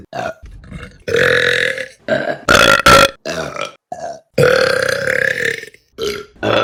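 A series of loud, drawn-out voiced belches, several in a row with brief gaps; repeated burping.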